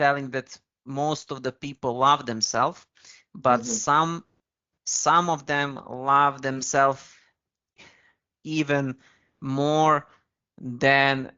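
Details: Stuttering (stammering) in an adult man who has used very slow speech to control it.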